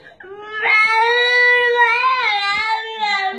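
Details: A young child gives one long, high-pitched wailing cry with a gently wavering pitch, reportedly after being slapped in the face by the mother. Crying.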